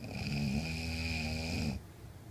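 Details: A man's single heavy snore: one long, loud, low, buzzing breath, then quiet.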